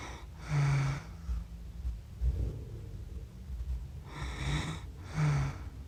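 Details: Person snoring after accidentally falling asleep while filming cats, self-described as snoring funny; quiet room, three brief buzzy, rumbling snores with a nasal whistle, separated by soft breathing.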